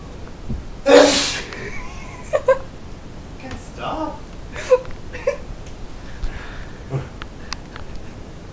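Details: Sneezing fit recorded at night: one loud explosive sneeze followed by quieter vocal sounds and room noise, after 4 or 5 earlier sneezes that were not recorded; sneezing.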